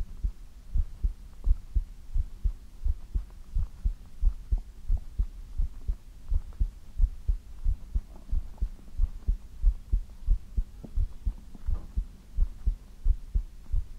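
Steady, regular low thumping heartbeat with a soft hum underneath; an even rhythm throughout.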